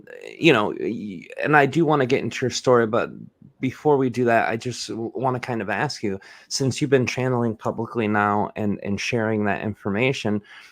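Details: Adult male speaker; typical speech.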